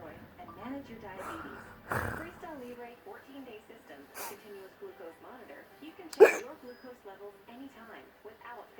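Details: Quiet adult talk broken by sudden sharp hiccups: persistent intractable hiccups ongoing since December 2015, occurring every 1-3 seconds, with breathing and choking spasms, cause still undiagnosed.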